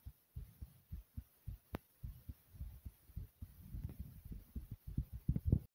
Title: Fast Thumping Heartbeat After Jumping In Place